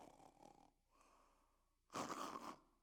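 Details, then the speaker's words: Sleep specialist imitating obstructive sleep apnea: soft snoring followed by a loud snorting gasp. "But also you're going to hear something unusual, which is gasping and choking. So they'll be snoring."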